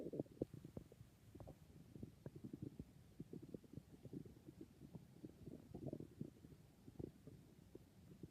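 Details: Person who thinks their stomach is being very noisy: continuous low gurgling and bubbling rumbles from the abdomen; ordinary stomach growling (borborygmi).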